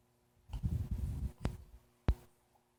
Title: Stinkin' hiccups! 10/22 9wks old